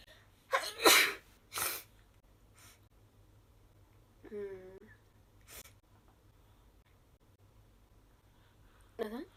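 Two sharp sneezes in quick succession, then a brief voiced sound and another sneeze at the end; ordinary sneezing.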